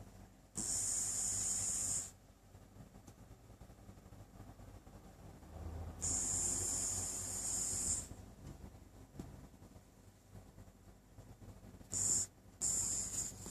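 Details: Light nasal snore during sleep: three high-pitched, hissing, whistle-like breath noises separated by quiet pauses, about 11 breaths a minute; snoring.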